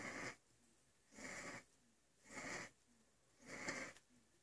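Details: Baby having asthma attacks: four noisy, hissing, labored breaths about a second apart, roughly 51 a minute, with a faint whistling edge; wheezing respiration.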